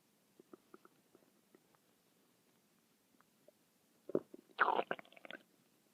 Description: it just DOESN'T STOP!!!!!